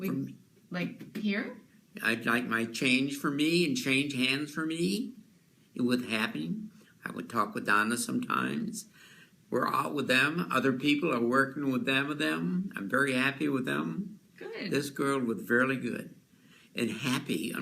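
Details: Adult man with a relatively mild case of fluent aphasia; speech is fluent and confident but content is jumbled and off-topic. Finding: Wernicke's (fluent receptive) aphasia.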